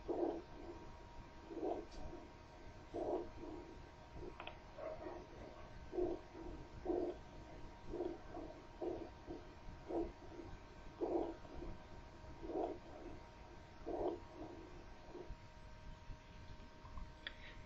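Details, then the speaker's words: Soft, low, rustling breath sounds repeating steadily over the chest wall; normal vesicular breath sounds (vesicular murmur). "escuchemos entonces un murmullo vesicular nuevamente escuchemos murmullo vesicular"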